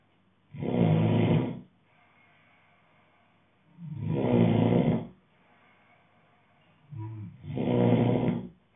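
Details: Man snoring: loud, rough snores on each breath in, about 17 a minute, with quiet breathing out between them.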